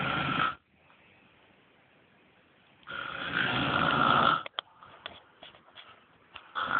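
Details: Woman snoring very loudly: harsh, rattling snores on inhalation, with quiet pauses and soft clicks between breaths; heavy snoring.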